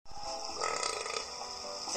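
A long, loud, rumbling belch lasting nearly two seconds, with faint music behind it.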